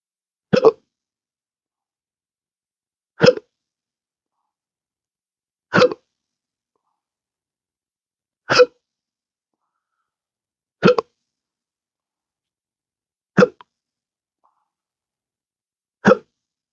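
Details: Adult with intractable hiccups since December 2015 after surgery with nerve damage (pudendal nerve injection affecting phrenic and vagus nerves): seven sharp, abrupt hiccups about 2.5 seconds apart, roughly 24 a minute; persistent hiccups.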